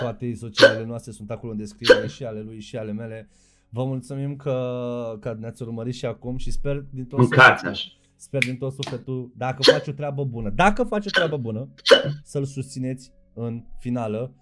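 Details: Adult male speaker; Normal speech.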